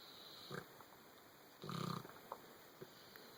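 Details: Ron, an animal, snoring while asleep and dreaming: a few short snorting, snuffling breaths and one louder rattling snore; light snoring.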